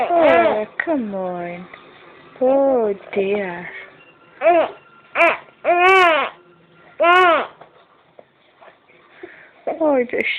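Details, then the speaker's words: An infant who has hiccups cries and fusses in repeated rising-falling bursts with pauses, in a small room, while an adult soothes him. "Hey, come on. Stop your greeting."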